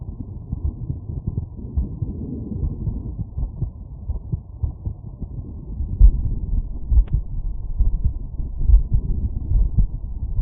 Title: Heartbeat auscultation stethoscope heart sounds - Aortic valve after workload